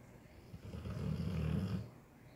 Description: A quick clip if macho sleeping and snoring...this dog. 😂